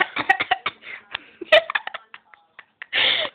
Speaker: Sorry, I had to cough. Weird, so did I.